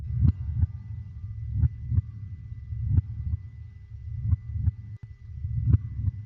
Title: HEARTBEAT SOUNDS| Help Your Baby Get to Sleep (20 min) 🖤| baby sleep #baby